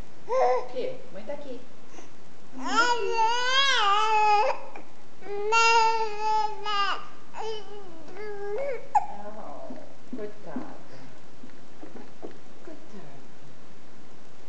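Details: Six-month-old baby girl fussing when her mother leaves for a minute: short wailing cry bursts with babbling sounds between, in a quiet room; infant cry.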